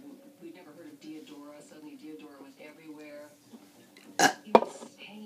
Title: Burping challenge interrupted